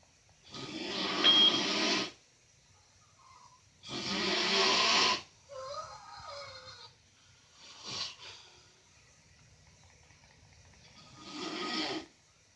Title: Uncle train snoring